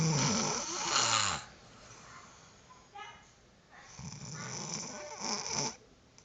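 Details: Harsh, noisy, rattling snores from a sleeping girl, irregular in timing, with quieter breathing between them; she snored continuously for a long time.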